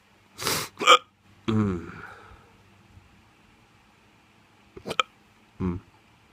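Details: Drunk person with hiccups: abrupt, jerky catches of the breath, some with a brief voiced croak, repeating at irregular short gaps.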